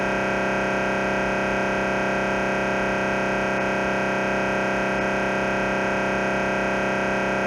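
Loud, steady, rapid mechanical buzzing from an MRI scanner running a T1 axial sequence, about 150 pulses a minute.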